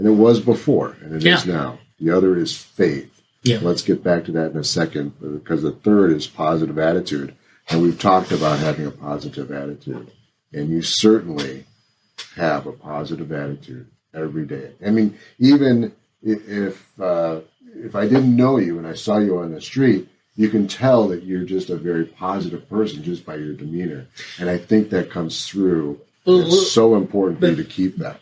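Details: Adult man speaking; typical speech.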